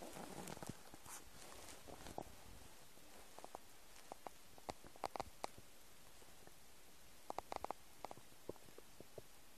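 Soft gurgles and scattered bubbling pops from the belly over a quiet hiss; ordinary stomach rumbling from an empty stomach.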